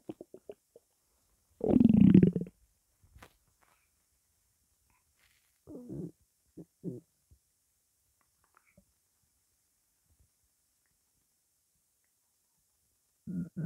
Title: hungry belly